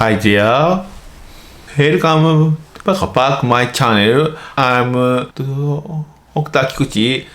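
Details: Adult male medical doctor in Japan who stutters; stuttering (childhood-onset fluency disorder) is a developmental disorder of speech fluency.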